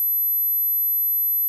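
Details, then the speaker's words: Steady, very high-pitched pure tone with no variation, simulating the speaker's own loud, constant tinnitus, which is present 24/7 and most noticeable when lying in bed at night or when tired, stressed or unwell. "यदि आपने पहले मेरा कोई video देखा है, तो आप देखेंगे कि मैं व्यक्तिगत रूप से तेज़, निरंतर टिनिटस से पीड़ित हूं, जो कुछ इस तरह"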